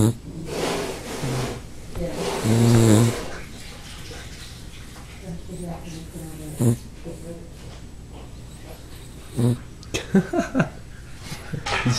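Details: Low snuffling snores from a Cockapoo, one louder near the start, with brief thumps and background noise; snoring dog.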